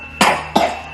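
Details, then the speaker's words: Two short, sharp coughs from a young girl in a quiet room; she has a runny nose, is tired, and has been vomiting. "Tingnan nyo, naririnig nyo ba sa background, guys, ang kanyang ubo-ubo?"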